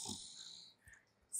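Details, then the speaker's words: Snoring of a patient with about one month of on-and-off sleep disturbance, who fell asleep during Ayurvedic shirodhara treatment for insomnia and keeps snoring despite loud talking nearby. "గట్టిగా మాట్లాడుతున్నా నమ్ము అయినా కూడా గురకలు వస్తా ఉన్నాయి just ఆ sounds మీరు just వినండి."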